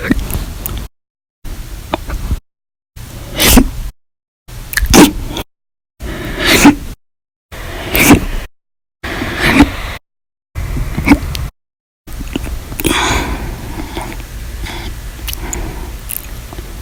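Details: About eight short, sharp, jolting hiccups, one per recorded segment, with quiet gaps between, from a compilation of violent, loud and silent hiccups recorded over August 2019.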